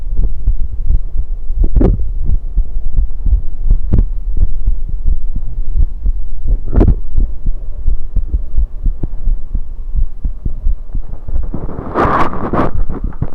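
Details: Loud, muffled, regular thumping normal heartbeat recorded on own chest with a USB electronic stethoscope while drinking soda, under heavy rubbing and hum, with a gurgling esophageal burp near the end.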